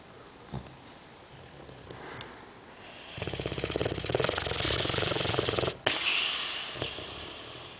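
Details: Sleeping boxer dog snoring: rapid rattling, snorting snore that builds for a few seconds, then stops abruptly.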